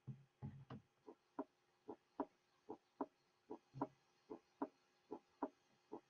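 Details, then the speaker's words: Teaching recording of normal first and second heart sounds, regular lub-dub pairs at about 75 beats a minute, the first sound slightly lower in pitch than the second. "Normally, the first sound is slightly lower in pitch in comparison with the second sound."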